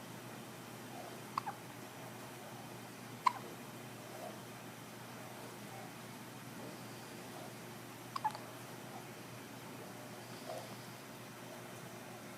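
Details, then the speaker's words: Six-day-old infant boy with hiccups after a big feed: soft, abrupt hiccup clicks at irregular intervals, about four in twelve seconds, in a quiet room. "You get hiccups, big guy."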